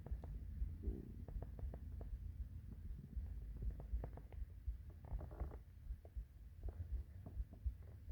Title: The classic morning hungry stomach growls